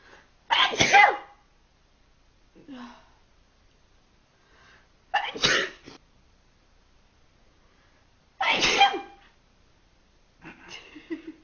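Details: Three forceful, explosive sneezes several seconds apart, each with a short gasp or sound between them, in a quiet room; sneezing.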